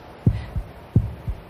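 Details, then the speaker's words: Normal lub-dub heartbeat heard through a stethoscope in a children's health education show: steady paired low thumps at about 85 beats per minute. "can you feel that bumpy love dove movement remember those special places where you can feel your heartbeat are called your pulse say pulse pulse good"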